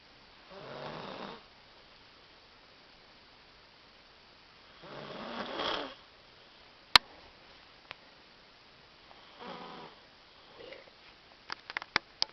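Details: Girl snoring (she denies snoring): three to four soft, rough, rattling breaths about every four seconds, roughly 15 a minute, with a few clicks; snoring.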